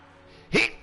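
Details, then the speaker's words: Sneeze from a streamer during a live gaming stream; a single big, loud sneeze deliberately let out in full rather than stifled. "me people said stop eating yourself fine I will just blast out my sneeze and you can hear it in all its glory"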